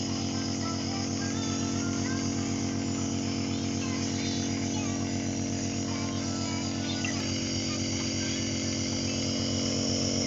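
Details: Steady loud mechanical hum with rapid buzzing pulse from a nebulizer compressor running during nebulizer therapy for a toddler with cough and cold.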